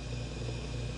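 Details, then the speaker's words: HK surgical aspirator being set up and switched on with its foot switch, with suction adjustable by a dial: steady, low rumbling hum of the suction pump motor running continuously. "push on the foot switch to turn the aspirator on if the suction is too strong turn the dial down towards minimum"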